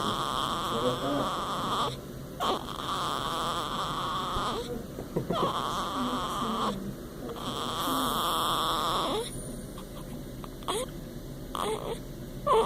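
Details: Newborn baby girl snoring: repeated rough, noisy breath sounds, each lasting a couple of seconds, with short quiet gaps between.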